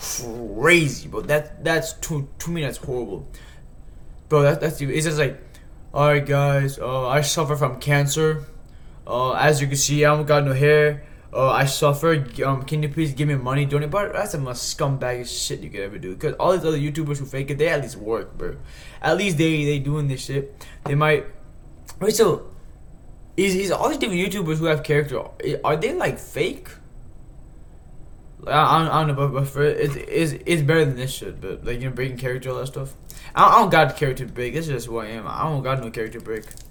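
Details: Man who says he stutters, sometimes repeating words when trying to speak; stuttering.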